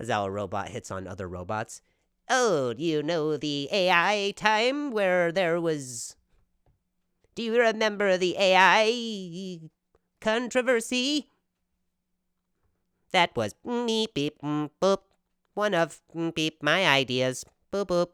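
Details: Real stuttering in an adult male comedian speaking casually on his own podcast.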